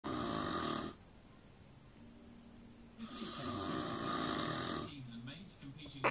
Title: The worlds worst offender for snoring